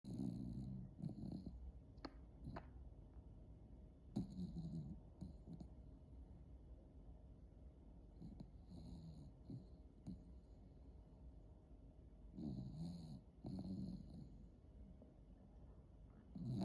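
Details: Sleeping dog snoring heavily: low, rattling snores about 15 per minute with quiet stretches between them.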